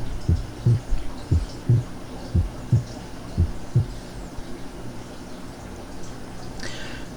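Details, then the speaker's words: Physiological splitting of the second heart sound: slow, regular heart sounds, about 57 a minute, with S2 splitting normally on inspiration as the pulmonary component is delayed. "bien ese es el desdoblamiento del segundo ruido cardiaco el desdoblamiento fisiológico durante la inspiración"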